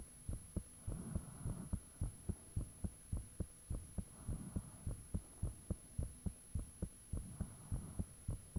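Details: Own heartbeat recorded with the fan off, shortly after it became unusually thumpy: regular deep thumping at roughly 100 beats a minute with a steady background hum; heart sounds.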